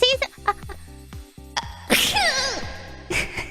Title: Kawaii ECHO Sneeze ≧◡≦【】